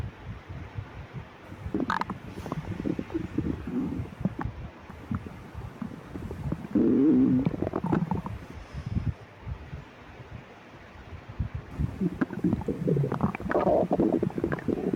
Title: Girl stomach growling for 3 days and her boyfriend put his head on her empty stomach